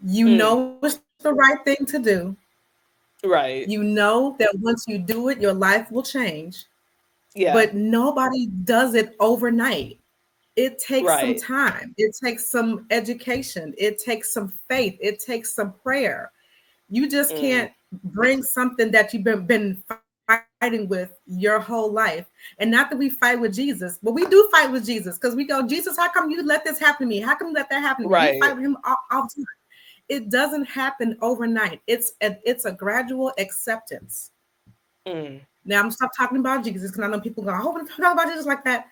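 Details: Real stuttering in an adult black woman who describes herself as a person who stutters, in a conversational interview with word repetitions; stuttering.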